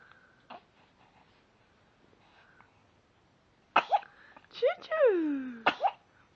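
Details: Three big sneezes from a subject called "good girl": sharp, explosive nasal bursts close together with a whining vocal sound between them.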